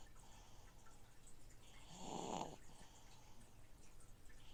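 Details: A single soft snore from a baby against the steady bubbling and trickling of a noisy fish tank filter; snoring.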